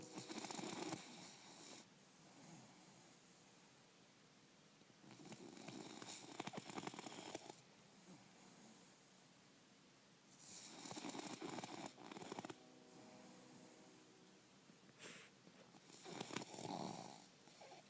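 Loud, rattling snores on each breath in, with quieter breaths out between, about four breath cycles; a bulldog snoring.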